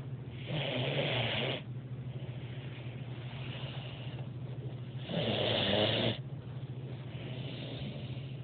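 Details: A sleeping dog gives two rough, rattling snores about four to five seconds apart, with quieter breathing between and a steady low background hum: snoring.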